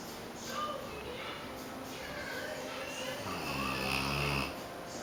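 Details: Loud ordinary snoring: several snoring breaths, one ending in a loud, low, drawn-out rumble, with some background noise.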